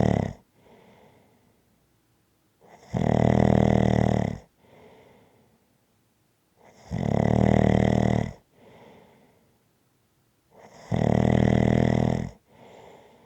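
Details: Person sleeping, recorded as relaxing ASMR snoring sounds: loud, rattling snores on each in-breath about every four seconds, with quieter out-breaths between.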